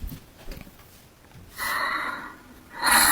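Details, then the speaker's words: Two loud, harsh, rasping breath noises a second apart, used as a dance beat; heavy snoring. "So, I'll show you how to dance to snoring sounds."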